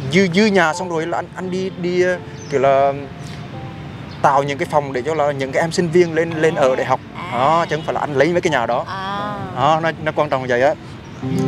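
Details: Young man acting as a stutterer in a prank, singing with repeated sounds and syllables: stuttering (acted).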